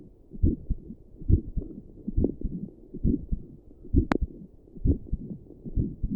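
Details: Own heartbeat at rest, sitting at a desk, recorded with doppler plus stethoscope, visible neck pulse: regular low thumping, about 67 beats a minute, soft whooshing doppler pulse between beats; normal resting heartbeat.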